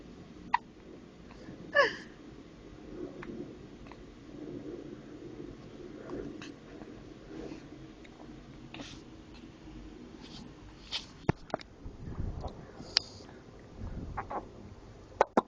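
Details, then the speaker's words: 4-month-old infant boy with hiccups that did not stop after attempts at burping him and offering milk he refused: sharp little hiccups at intervals, with soft fussing and breathing noises. "here anthony with the hickup anthy how do we how do we take up your you don't want to drink milk i tried burping you nothing work you like your mom you hiup like your"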